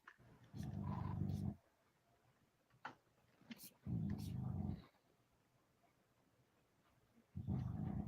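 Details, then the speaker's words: Sleeping female dog snoring: low, rumbling snores about one every three to four seconds in a quiet room. "hear the dog snoring? Here's something. You got the dog? She's over here snoring. Solid logs, man."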